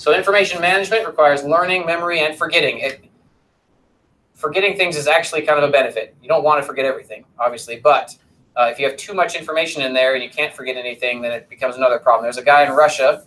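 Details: Adult male lecturer; normal speech.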